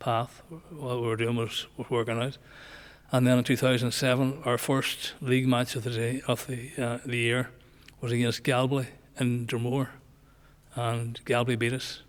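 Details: Male nearly 65 with Parkinson's disease, diagnosed after he noticed his voice was not right; also word-finding difficulty, gait change and tremor controlled by medication; hypokinetic dysarthria (Parkinson's disease speech).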